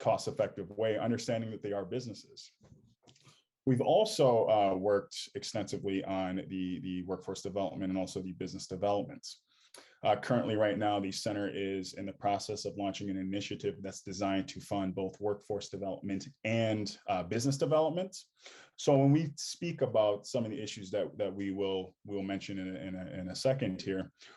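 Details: Adult male speaker; normal speech.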